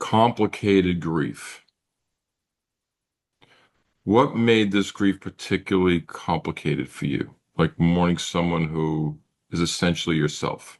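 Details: Adult male speaker; typical speech.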